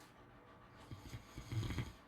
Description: ASMR snoring sounds to sleep well